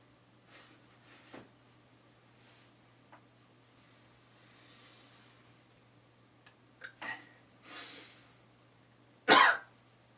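Breathy noises, a couple of short throat sounds, then one loud explosive burst near the end, fitting a cough or sneeze.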